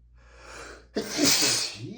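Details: Adult male with dust allergy sneezing while reading aloud from a dusty book; quick inhaled build-up, then one sharp explosive sneeze.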